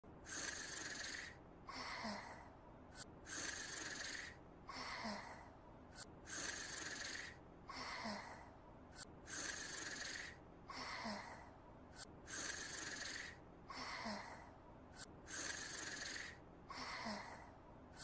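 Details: Regular hissing snore breaths about 20 a minute, each ending with a small snort, from the animated character Umaru; simulated snoring.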